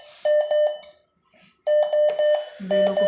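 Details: Groups of sharp, high electronic beeps from a BPL anesthesia machine as the ventilation mode is started, followed by a lower tone; an anesthesia machine alarm.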